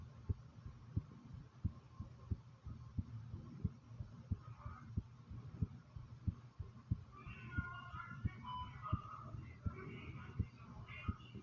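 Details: Own heartbeat and stomach recorded at the same time: steady, regular heartbeat at about 90 a minute, with gurgling stomach noises in the second half; normal heartbeat with bowel sounds.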